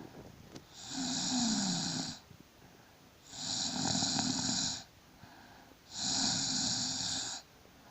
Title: My snore ♥